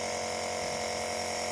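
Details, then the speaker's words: Compressor nebulizer switched on to nebulize a child for about 5 minutes to clear the chest in chest infection and cough: steady mechanical buzzing hum of the running machine. "ये machine अब on है, machine चल रही है और nebulisation हो रही है।"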